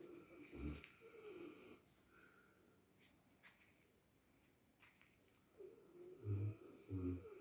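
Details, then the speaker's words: Kalu sleeping soundly and snoring while another sleeps beside mom on the bed: soft snoring breaths with snorting, rattly sounds on a few breaths in a quiet room; snoring. "और ये भाई सो रहे हैं कालू जी। घर्राटे मार के सो रहे हैं।"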